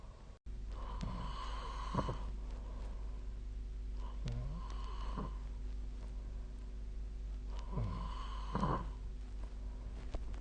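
Three rattling, buzzy snores during inhalation about every three seconds, over a steady low room hum; ordinary sleep snoring.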